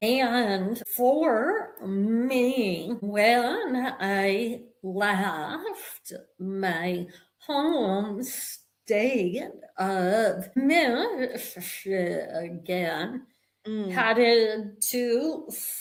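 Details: Vocal tremor in a woman; attributed to over 50 years of narcissistic abuse and trauma that began at age five, and described as manifesting physically in her body and nervous system.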